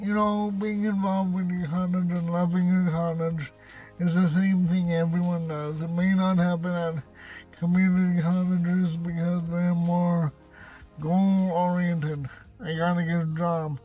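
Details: Male with cerebral palsy, who says he has a speech impediment; dysarthria (cerebral palsy).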